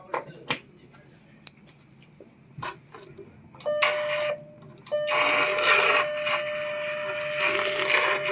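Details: RF plasma surgical system demonstration with pedal-operated radiofrequency plasma electrode and spinal endoscopy cutting heads: clicks, then a steady electronic tone with loud hiss and crackle as the plasma head activates.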